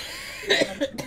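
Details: A girl gives two short coughs in a quiet room; she complains her throat hurts a lot.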